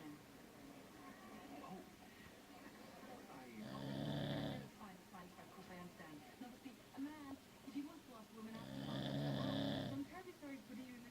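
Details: Sleeping pit bull dog; two rough inhaled snores about five seconds apart, about twelve a minute, with soft noise between. Ordinary snoring.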